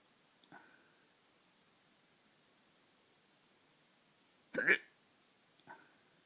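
Three short, abrupt throat catches in a quiet room, the middle one loudest, typical of hiccups.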